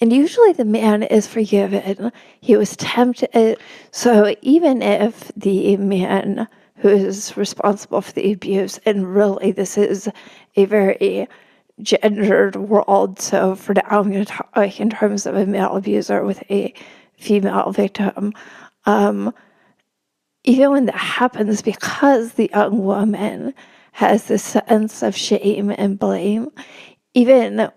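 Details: Real adult woman with spasmodic dysphonia; spasmodic dysphonia.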